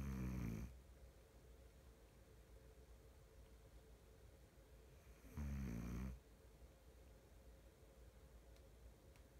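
Two low, rumbling snores about five seconds apart, separated by quiet breathing in a small room: ordinary snoring.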